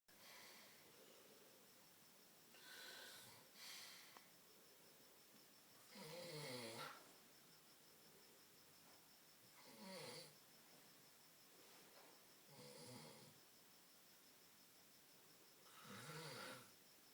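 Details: Man snoring loudly in sleep: loud rattling snores on breathing in, about 18 a minute, somewhat irregular, over steady room hum; ordinary snoring.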